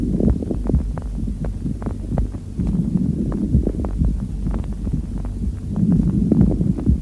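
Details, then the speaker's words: Crepitation played in a lung auscultation lecture: fine, even crackling bursts over breath sounds through a stethoscope, heard at peak inspiration and not disappearing after the patient coughs, unlike moist rales. "теперь просушим трепетация она слышно на высоте вдоха после покашивания больного оно не исчезает шум одноглазный различие от влажного хрипа пожалуйста послушаем"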